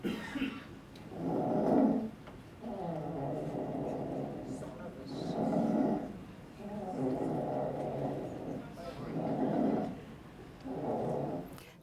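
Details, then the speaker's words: A child makes coarse, low-pitched snoring with each breath. This is stertor rather than laryngeal stridor, the most common noisy breathing parents report. "that's a little bit of a trick question because it's really not like strider of what we think from let the larynx it is much more sturdy or snoring right and that is probably by far the most common noisy breathing that your patients will report to you is the snoring"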